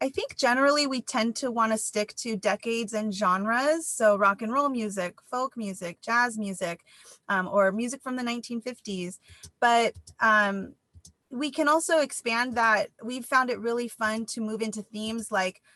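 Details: Adult woman speaking; normal speech.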